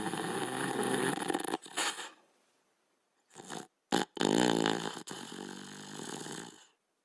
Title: Border Collie & Australian Shepherd Sleeping & Snoring